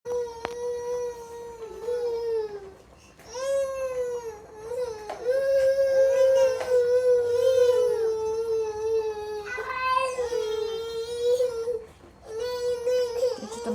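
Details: Twin boys crying at the same time: sustained, loud, tonal wailing with brief pauses for breath and faint background music; infant cry.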